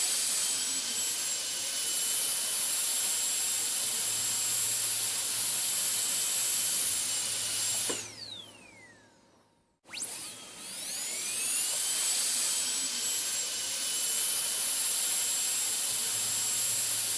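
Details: Dental drill recording switched on and off, made as ASMR sleep sounds: a high-pitched steady whine winds down to silence, then spins back up to full speed.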